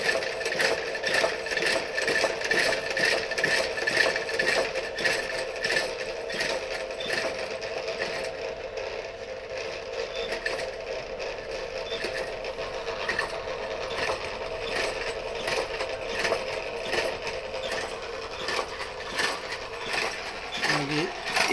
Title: DIY Ventilator Mechanical for Corona pandemic